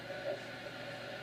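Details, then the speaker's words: Doppler auscultation of the temporomandibular joint in a woman opening fully and closing, about a second each way: continuous rough grating on translation, no pop or click, with no history of popping or clicking: TMJ crepitus. "so this is a perfect example of one of those unexpected joint sounds so history was negative a poping or click we didn't feel a pop or click but has very definitive crepitus on translation"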